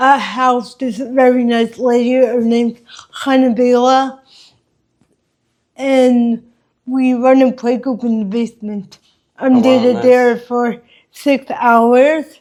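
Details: Adult woman with congenital cerebral palsy affecting her walking, face, mouth, drooling and speech; dysarthria (cerebral palsy).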